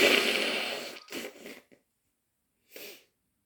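Breathy bursts and a fading exhalation followed by a short burst, consistent with wet sneezes.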